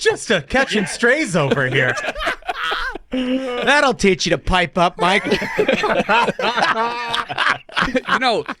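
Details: Adult male speakers in conversation; normal conversational speech.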